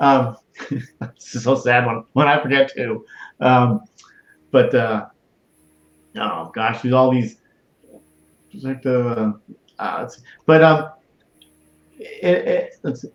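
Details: Adult man, stroke survivor and heart transplant recipient, with Broca's aphasia for over 8 years since a stroke in March 2011; speech limited to short utterances, laborious word-finding, verbs harder than nouns; Broca's aphasia.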